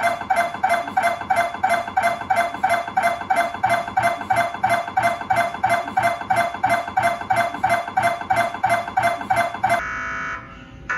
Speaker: The sound of a dwi scan sequence can also vary between the different mri scanner models.